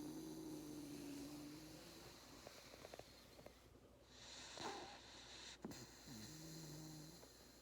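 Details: A napping Labrador Retriever puppy, tired after a hard day of play, gives soft droning snores with a faint whistle, mixed with sniffs and movement noises in a noisy room. Snoring.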